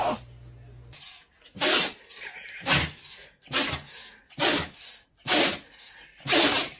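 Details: Dog sneezing: six sharp, sudden nasal bursts in quick succession, about one per second, with music in the background; a run of sneezes.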